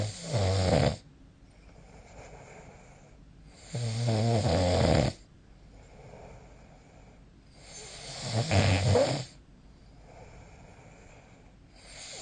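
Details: Snoring during sleep recorded with the SnoreLab app: loud, rough snores on the in-breath, about 15 a minute, with quieter breathing between them. Habitual snoring.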